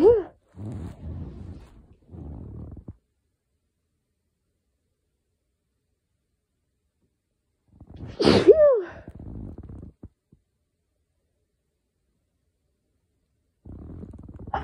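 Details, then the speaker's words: Allergic sneezing from pollen in a person with a very sensitive, itchy nose: a sharp inward breath and one forceful voiced sneeze among quiet breathing sounds. "okay inducing is really easy but all of my sneezes sounded like that and and I would just have to keep going to the bathroom because my nose was so itchy"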